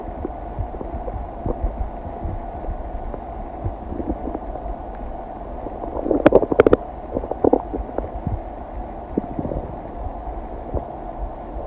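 Low rumbling with scattered clicks and a brief burst of gurgles; ordinary bowel sounds of digestion.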